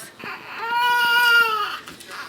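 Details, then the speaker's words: Newborn baby's cry at first meeting with big sister: one sustained high-pitched clear wailing cry, then a softer fussy sound. "You hear the baby crying?"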